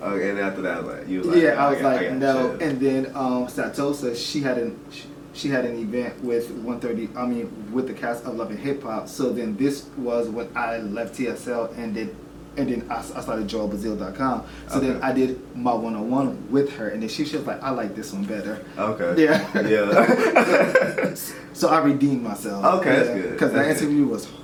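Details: Adult male with self-reported stuttering, worse when nervous or recalling rehearsed questions and milder in conversation; previously attended stuttering classes; stuttering.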